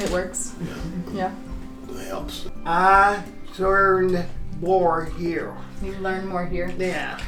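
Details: Adults with aphasia (language loss) after strokes a couple of years ago, attending speech therapy and aphasia lunches, struggling with verbal speech and word finding; aphasia.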